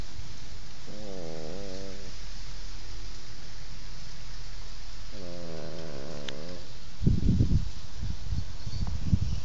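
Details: Sleeping French Bulldog snoring: two long, wavering nasal snoring tones on breaths about four seconds apart, then rustling.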